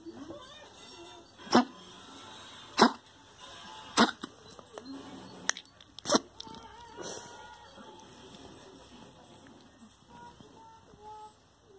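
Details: A pet gives four sharp, harsh coughs, then a softer gagging sound as if trying to bring something up. The owner sees no hair in the mouth and wonders about aspiration or heart disease.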